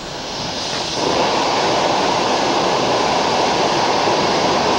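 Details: Steady loud hissing water spray at a real dentist visit, rinsing etchant off a tooth before a bonding agent is applied and the bonded filling is hardened with a curing light.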